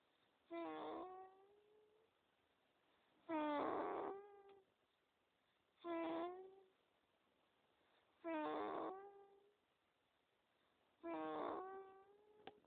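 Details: A 2-month-old baby boy snores with regular squeaky, tonal snoring noises on each breath in a quiet room.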